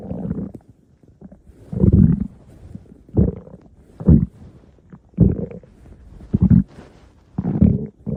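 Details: Stomach growling: deep rumbling gurgles in repeated bursts about a second apart, ordinary bowel sounds (borborygmi).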